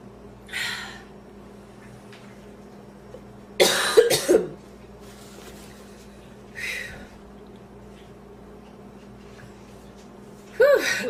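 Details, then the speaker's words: Scattered coughs with a cluster of harsh coughs near the middle and another burst at the end; a woman's coughing fit after inhaling part of a sandwich, feeling food still in her windpipe. "i haven't had a coughing fit like that in a long time i thought i was going to choke to death before i put the camera on"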